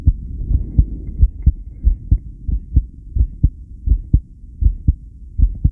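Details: Steady paired low heart thumps at about 88 a minute with no breath sounds, recorded during a long breath-hold (10 lead); subject asks whether the heart's response is normal.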